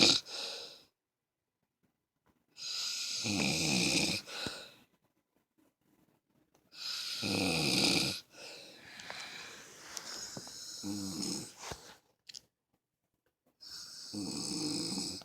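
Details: Harsh, rattling sleep snores with silent gaps between breaths, about 16 breaths a minute; snoring.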